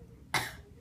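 A single short, forceful cough burst in a quiet room, given on request during an abdominal examination: a voluntary cough.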